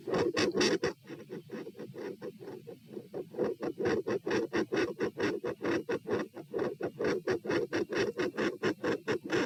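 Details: Auscultation stress test at position P (rates 78–102–120–138 bpm across lying, sitting, standing, bobbing, standing; unusually loud supine): fast, loud, scratchy stethoscope heartbeats, tachycardia with a murmur around S2.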